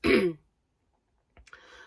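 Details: A woman chatting gives one short, rough throat clear, then silence and the start of a breath or soft voice.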